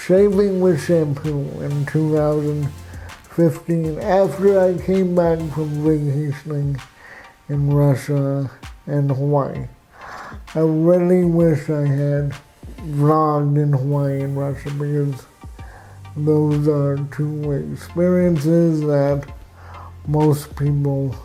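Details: Adult man with cerebral palsy, with walking difficulty and frequent falls: dysarthric speech.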